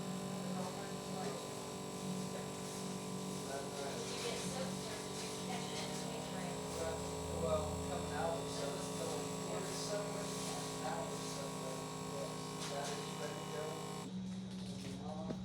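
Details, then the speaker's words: Automatic blood pressure monitor at an afternoon home check: a steady motor hum and buzzing pump as the cuff inflates, then an abrupt stop, with faint room noise. Reading was about 108 over 74. "Alright, that is the sound of blood pressure with reading."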